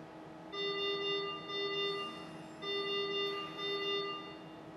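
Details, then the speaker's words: Intensive care mechanical ventilator sounding a repeating electronic tonal alarm in paired chime bursts; the same alarm can signal different problems, such as a patient disconnection or an oxygen supply issue. Ventilator alarm. "the same noise might sound for different issues and you will need to look at the ventilator to work out what the problem is and what to do"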